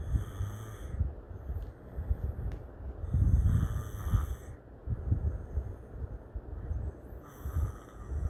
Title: demon snoring